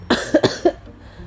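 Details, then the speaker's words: Adult woman ill with flu, blocked nose and hoarse voice, coughing hard enough to feel it in her chest: three quick, harsh coughs in a row. "Aku batuk sampai yang tahu enggak sih kalau kata orang batuk ngekel gitu sampai dada."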